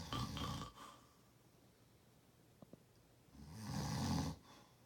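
Two low, rattling snores on the in-breath, separated by a quiet pause; ordinary snoring.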